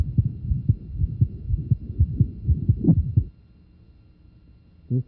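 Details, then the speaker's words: Rapid, regular heartbeat at about 120 a minute with a soft sound between beats for three seconds, then quiet; innocent murmur in a normal heart. "And not uncommon in athletes. It is important to differentiate these from significant murmurs, such as those with aortic stenosis,"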